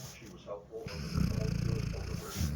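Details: Sleeping dog snoring: low, rattling snores with a faint snort; ordinary dog snoring.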